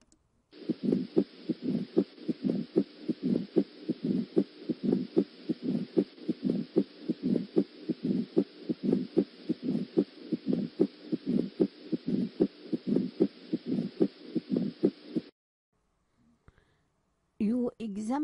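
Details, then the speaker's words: 60-year-old with new atrial fibrillation, flushed face and tapping apex beat: heart sounds about 75 a minute with a low rumbling murmur between beats, quiz answer mitral stenosis. Mitral stenosis murmur. "60 years old with a new h filation on examination he has flashed face and tapping a beat selected the most likely diagosis atic stenosis MIT stenosis"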